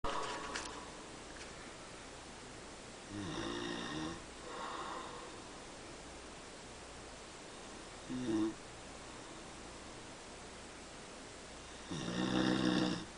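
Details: Father's snoring during sleep, keeping family member up all night: loud rough rattling snores recurring every few seconds; ordinary snoring.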